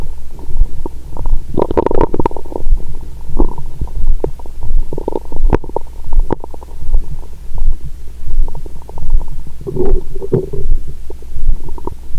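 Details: Active bowel sounds over an adult woman's abdomen; her period was due and her stomach was bloated.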